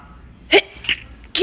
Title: TikTok Sneezing 13